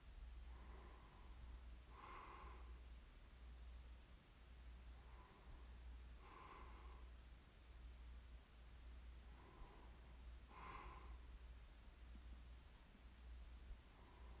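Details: Light snoring in sleep, ASMR recording: soft snorting snores about every four seconds, around 15 breaths a minute, under a steady low hum.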